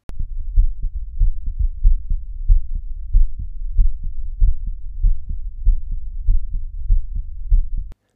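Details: Own heartbeat recorded into a Zoom F4, unprocessed: regular low paired thumps about 90 per minute over a quiet hum; normal heart sounds.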